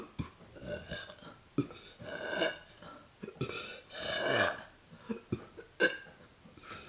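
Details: Deliberate burping by swallowing air, recorded from a neck view: a series of drawn-out, croaking belches, some several seconds long.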